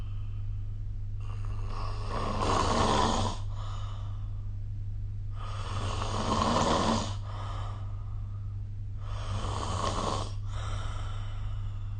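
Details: Loud rasping snores about every four seconds, roughly 15 a minute, over low room hum, recorded with the SnoreLab app; ordinary snoring during sleep.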